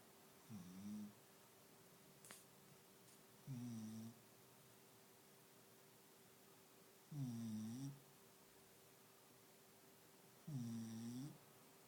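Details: Small dog trying to sleep, snoring softly and regularly at about 18 breaths a minute, with silent gaps between breaths, in a quiet room.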